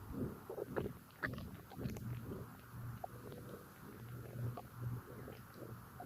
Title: Bloated active tummy digestion and burps! 💓💓